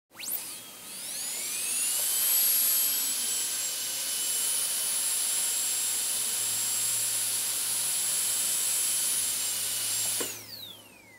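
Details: Dental drill sound effect: the drill spins up to a steady high-pitched whine, runs for several seconds, then winds down.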